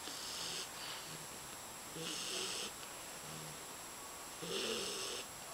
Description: Here's my 4 month old English Bulldog snoring like a lumberjack.